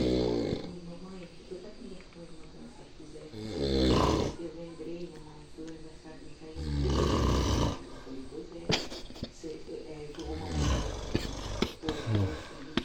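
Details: Snoring: loud, rough snoring noises on breathing, about 17 a minute, with background talk.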